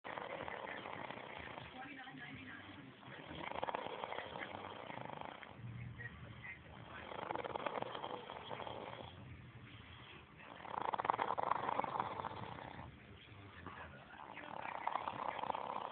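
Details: Rough, breathy, muffled snores recurring about every 3.5 to 4 seconds (roughly 15 a minute) from a sleeping person; snoring.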